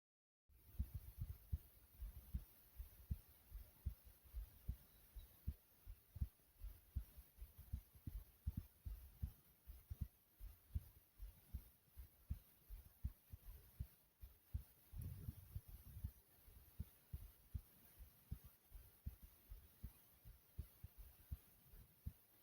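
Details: Normal heartbeat: low, regular, strong thumping at about 80 beats a minute, slower than the person's usual recordings but still pounding.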